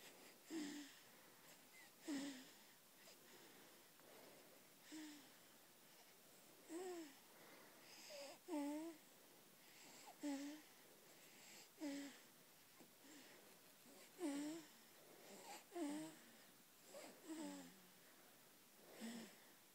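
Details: Falling asleep, repeated whistling, squeaky sounds on breathing, about a dozen over twenty seconds, with soft breath noise between; a noisy, whistling snore.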